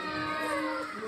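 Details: Baby at 14-week vaccination: brief, strained infant cry, a pain cry right after the injection.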